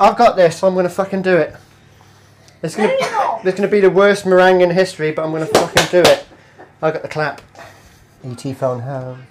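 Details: Man with Tourette syndrome cooking, producing vocal tics including swearing and unrelated phrases; Tourette syndrome vocal tics.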